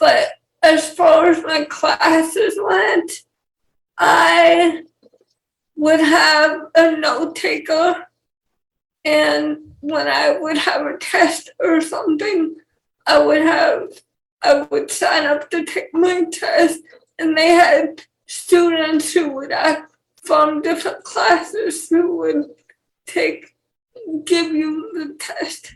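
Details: Dysarthria in a 28-year-old woman with cerebral palsy and cortical vision impairment; she has speech issues her fiancé lacks, and the host asks her to speak louder.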